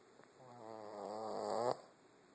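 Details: Snoring: a single drawn-out, buzzing snore on one breath, rising in loudness and ending abruptly, with quiet room noise around it.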